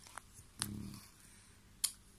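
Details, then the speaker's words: A single faint, low buzzing snore from a sleeping dog in a quiet room, with a few soft clicks; ordinary sleep snoring. "Et Margot est derrière, elle ronfle. Si vous entendez ronfler, c'est Margot."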